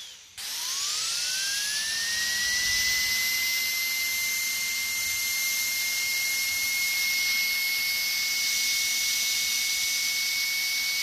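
High-pitched whine of a dental drill spinning up and running steadily.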